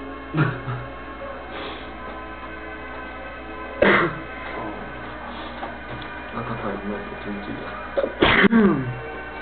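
Sharp, explosive bursts of sneezing with a sudden intake of breath, over background music and some talk.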